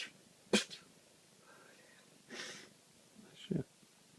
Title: Sneezing cat